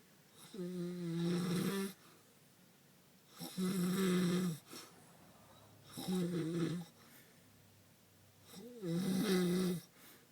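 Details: Four loud, buzzing snores with a tonal flutter, about 23 a minute, between quiet exhalations, from a sleeping male with some kind of sleep disorder causing him to fall asleep anytime.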